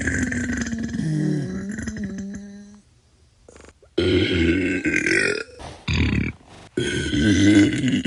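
A series of loud, long, rumbling belches of varying pitch from a sound-effect collection.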